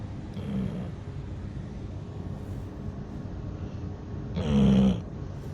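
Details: A pet snoring: two low, rumbling snores a few seconds apart over a steady room hum.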